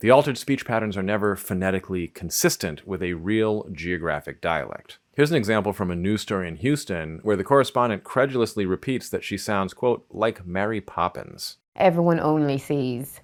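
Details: Adult male narrator; normal speech.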